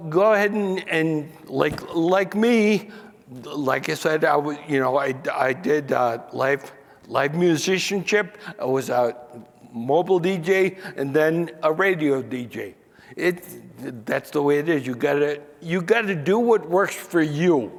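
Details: 67-year-old man diagnosed with spinocerebellar ataxia about 28 years earlier (1995); he could no longer sing or make announcements and says he rambles or forgets what he is saying. Finding: ataxic dysarthria.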